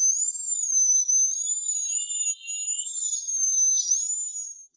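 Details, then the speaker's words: Dental drill removing decay, under local anesthetic, from a hollowed-out tooth with decay reaching the nerve and necrotic pulp, before root canal treatment: steady high-pitched whine wavering slightly in pitch. "After the anesthetic takes effect The dentist began using a drill to remove the decayed tissue."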